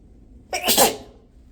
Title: sneezes + nose blow